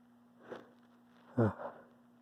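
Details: A soft intake of breath, then a single short, explosive sneeze with a brief trailing breath; a sneeze.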